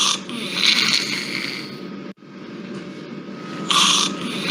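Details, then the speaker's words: Awake infant with difficult airway, congenital subglottic stenosis, in a neonatal tracheostomy-care lecture: harsh, high-pitched noisy breaths with faint whistling in bursts; stridor. "rque este paciente es un paciente difícil, porque con la dificultad que tiene, lo vuelvo a poner así le escuchan el estridor."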